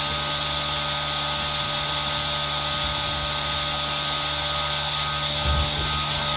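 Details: Aerosol nebulizer running for ASMR with rain sound mixed in, recorded on a Zoom H1n: steady mechanical hiss and hum running continuously over rain-like noise.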